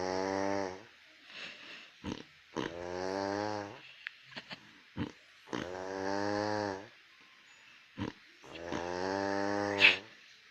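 Slow, rough, vibrating breathing noises in long drawn-out bursts, about four in ten seconds, separated by quiet gaps and a few small clicks: snoring.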